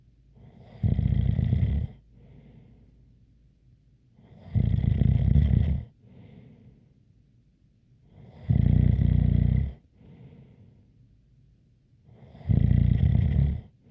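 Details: Steady rasping snores about every four seconds, roughly 15 breaths per minute, with a faint whistle on some breaths: snoring with a light whistle.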